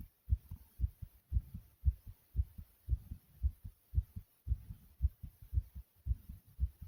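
Fast, regular low thumping heartbeat at about 113 beats a minute, a normal quickening after exercise.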